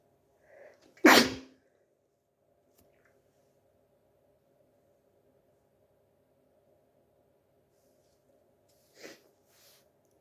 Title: Hayfever Sneezing